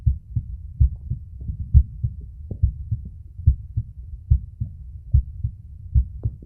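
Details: Male recording his own heart at the auscultation sites with a phone microphone: steady, regular low thumps at about 70 per minute with some rubbing noise; normal heart sounds.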